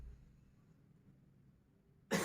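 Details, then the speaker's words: 74-year-old man with shortness of breath practising effective coughing after deep-breathing relaxation: a quiet held pause, then one forceful huff cough on the out-breath, moving sputum upward. "Nah, nanti pas waktunya ngebatukin itu pas ngeluarin. Jadi jangan ngeluarin dulu baru dibatukan. Jadi langsung 1, 2, 3."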